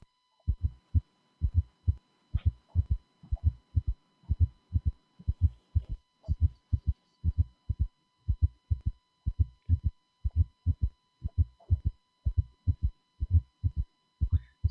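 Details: A fourth heart sound (atrial gallop) before the first sound, with a third sound, forming a quadruple (summation) gallop with S3 and S4.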